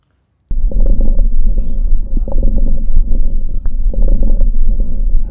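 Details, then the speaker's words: Simulated COPD patient in a student role-play, auscultated over the back during breathing. The examiner reports rhonchi, silent areas and crackles. Low rumble with scattered brief popping clicks, fitting crackles in obstructive lung disease. "Moi, ce que j'entends, là, dans le fond, c'est des ronchites. Par la suite, là, sinon, j'entends des silences aussi. Ainsi que j'entends aussi, dans le fond, des crépitants."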